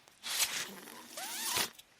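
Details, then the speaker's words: Speaker's own mechanical ventilator heard while they talk on a podcast: two hissing bursts of rushing air, the second with a faint rising whistle, separated by a quieter pause, showing ventilator breath cycles. "hello everyone my name is that noise you're hearing is my ventilator"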